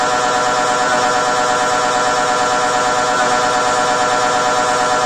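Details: MRI scanner inside the scan room during a brain scan: loud, continuous, rapidly pulsing buzzing tone, about three pulses a second; normal scanner noise.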